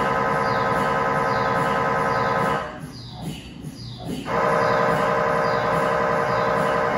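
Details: MRI scanner acoustic noise recorded inside the scan room during a test tibia/fibula (lower leg) MRI in a controlled environment, using a GE high-definition lower extremity coil (stated as 16- or 8-channel): loud, rapid rhythmic buzzing and knocking with a brief quieter pause midway.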